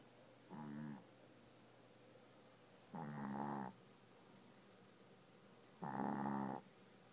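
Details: Tako the dog snoring in sleep: three separate rough, buzzing inspiratory snores a few seconds apart over quiet room noise.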